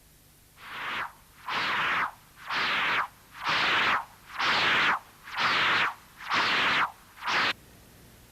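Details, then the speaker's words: Mitral stenosis on continuous-wave Doppler with a non-imaging transducer: loud, regular whooshes at about 62 a minute, early diastolic velocity increased to 2.6 m/s (scale 0.5 m/s), with a faint mitral regurgitation signal. "this doppler spectrum was obtained from another patient with mitral stenosis using this non-imaging transducer"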